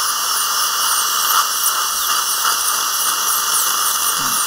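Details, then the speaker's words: High-speed dental drill with water spray whine, cutting the front part of a horizontally impacted lower wisdom tooth with a No. 5 bur during surgical extraction, live seminar demonstration guiding a student dentist's hand. "이렇게 번은 5번입니다 5번 앞부분부터 살짝 자르겠습니다"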